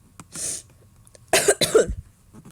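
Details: A throat-clearing sound and two loose, moderate coughs in a quiet room from a person who says they have a cold and feel unwell, with sniffling.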